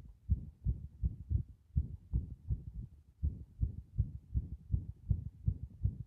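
Fast heartbeat, roughly 160 a minute, with uneven spacing between beats, an irregular rhythm from frequent arrhythmic beats.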